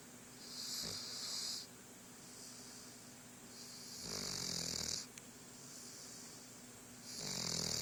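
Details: Snoring during sleep: three hissing, whistly breaths with a snorty rattle, about 23 breaths a minute.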